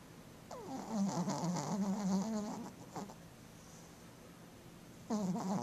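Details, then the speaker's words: Apple Head Chihuahua snoring while lying in a pile of laundry: low, rumbling, wavering snores in two bursts with a quiet pause, before the dog wakes. "you caught Mommy huh I was trying to catch you snoring and you woke up I'm sorry I saw you in the pile of laundry and I heard a noise coming out and I had to tape it"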